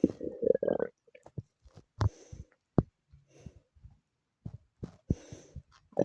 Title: my stomach growling 😭